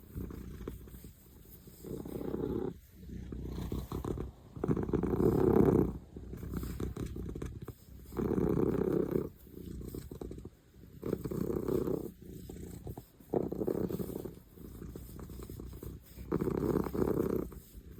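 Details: Cat snoring with its eyes open: regular rumbling snores about every 2.5 seconds, purr-like vibration on each breath; normal snoring.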